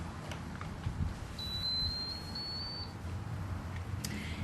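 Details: A thin high electronic tone of about one and a half seconds over room noise as a Joey enteral feeding pump powers on, set up for a PEG tube feed.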